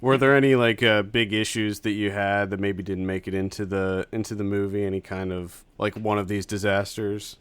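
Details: Adult male speaker; ordinary speech.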